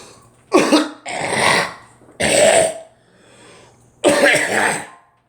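Four loud, harsh coughs spaced a second or so apart in a quiet room: a plain repeated cough.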